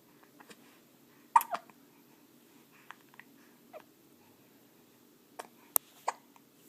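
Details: 4-week-old infant girl with hiccups: quiet, brief, sharp catches at irregular intervals in a quiet room.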